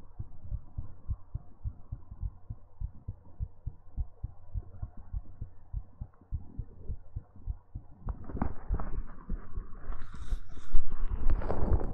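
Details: Steady, regular low heartbeat thumps in a normal rhythm, from a heartbeat ASMR recording, with louder rustling and handling noise over the final few seconds.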